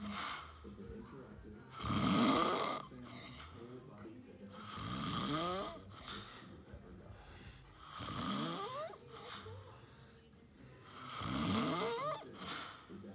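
Loud rattling snores recur with each breath in, about five in the clip, roughly 19 breaths a minute, with quieter breathing out between them.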